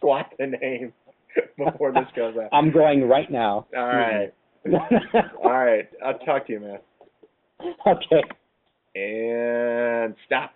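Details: Lifelong stuttering in an adult co-host, real, conversational speech in a casual webcam chat among stutterers; stuttering.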